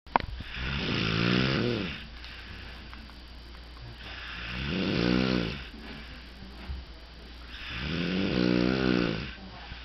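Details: Three loud, rough, rattling snores, each on inhalation, with quieter exhalations between them, about 18 breaths a minute; heavy snoring.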